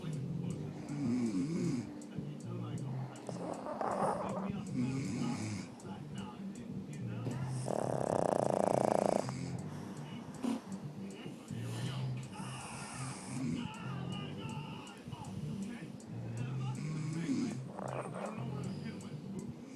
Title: Sleeping/snoring pug